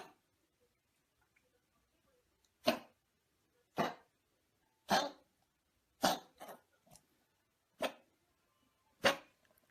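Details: Seven short, dry, harsh coughs in a quiet room from a dog with heart disease on daily medication three times a day for about four years; cardiac cough, not a cold.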